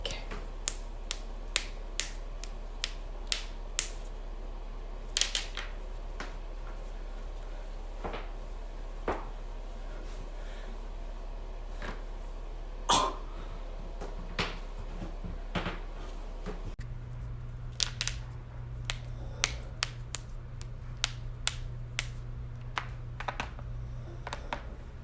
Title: cracking joints